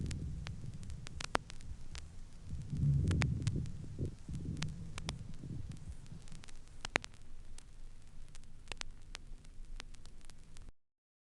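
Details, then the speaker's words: Lung auscultation with low-pitched humming rhonchi and a few moist, resonant medium crackles. "в следующей записи выслушиваются низкие гудящий и немногочисленные влажные звучные среднезернистый"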